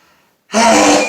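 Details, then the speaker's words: One loud, explosive, forceful sneeze breaking a quiet moment, part of an afternoon sneezing fit that started three or four minutes earlier, recorded while hiding in a bathroom. "hey hey you hello hey this is an afternoon sneezing fit"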